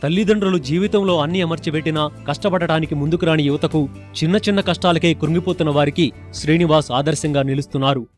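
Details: Adult news narrator; Typical speech.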